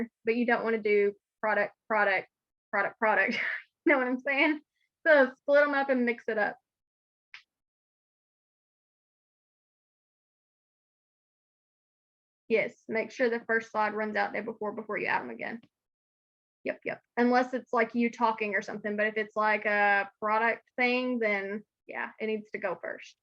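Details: Adult woman speaking; normal voice.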